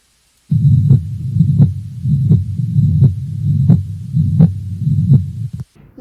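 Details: Heart murmur, from an auscultation teaching recording.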